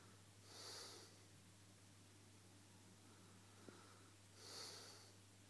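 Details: Sleeping man snoring while his girlfriend pokes his nose: two harsh, hissing snore breaths about four seconds apart with a faint tap between them, over a low room hum; snoring.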